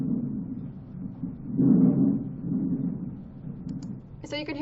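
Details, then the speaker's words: Normal breath sounds: soft, low rushing sounds through inspiration and expiration, with the heartbeat faintly heard underneath. "inspiration and expiration you also hear the heartbeat in there as well"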